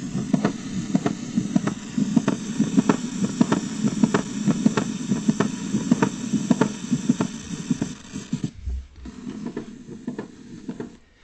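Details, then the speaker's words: Teaching example of mitral valve prolapse: regular heart sounds with a sharp mid-systolic click followed by a late systolic murmur. "which is the heart sound that's actually related to mitral valve prolapse it's known basically as a click with a systolic murmur and it's called a late systolic murmur"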